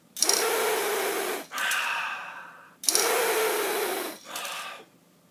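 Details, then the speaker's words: Incorrect incentive spirometer technique demonstrated: two quick, forceful hissing breaths instead of the slow deep inhalation that keeps the flow-dependent float between the arrows, each followed by a breath out. "this plunger is dependent upon flow if they stop breathing or sucking in it goes down what you do not want them to do is this"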